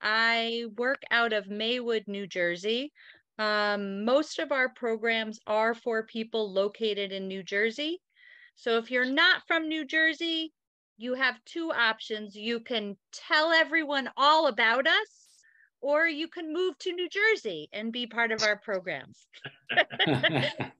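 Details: Adult woman speaking; Normal fluent speech.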